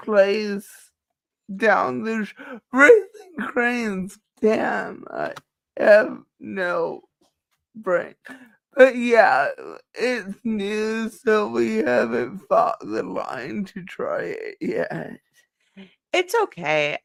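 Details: Dysarthria in a woman who says it is due to her cerebral palsy and that nothing can be done about it.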